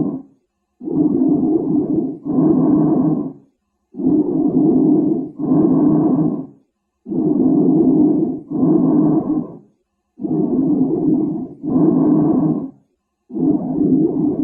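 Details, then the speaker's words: Normal breath sounds by stethoscope auscultation: vesicular and bronchial breathing, with bronchial sounds normal when heard over the upper chest area. "Jadi untuk suara nafas yang normal tadi kita sudah dengarkan ada yang vesikular dan juga bronkial tapi bronkial itu jika didengarkan pada area atas ya itu masih terlengan itu artinya normal"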